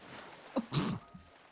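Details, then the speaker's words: An adult recovering from a recent illness, voice hoarse after karaoke, gives a brief catch, then a single short, harsh throat-clearing cough. "I'm afraid I'm coming out of recently being sick and then losing my voice to karaoke so if I sound a little bit like Batman then don't worry about it"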